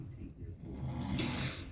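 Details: Male roommate snoring late at night while asleep: loud, rough, low rattling chainsaw-like noise on a breath.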